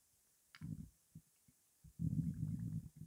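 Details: Hunger stomach growling (borborygmi) during a 12-minute recording of an empty stomach holding only water: soft low gurgles and a longer bubbling rumble.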